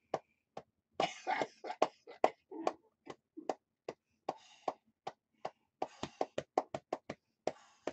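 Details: Rapid, uneven hollow thumps of chest clapping with a few breathy coughs: lower-lobe chest percussion to loosen mucus in a person with cystic fibrosis who reports coughing up blood over the last two to three days.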